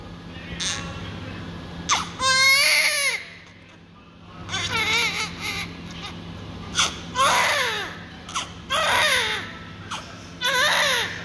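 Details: Loud, high-pitched rhythmic wailing of a newborn in repeated bursts with pauses for breath, just after umbilical cord cutting and clamping; vigorous, normal newborn cry over low room hum.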